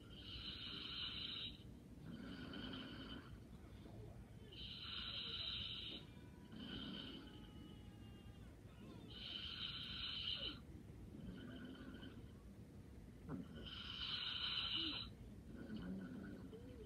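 Light, whistly snores in a slow, steady rhythm of about 13 breaths a minute during sleep.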